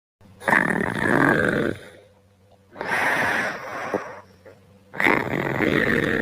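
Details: Boyfriend asleep at night, snoring: three loud, rough snoring inhalations with quieter exhalations between, ordinary heavy snoring.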